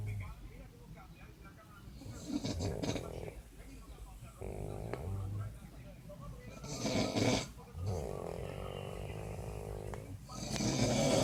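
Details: Adult man (dad) asleep: loud, rough, rattling breathing sounds repeat with each breath, with quieter pauses between; snoring.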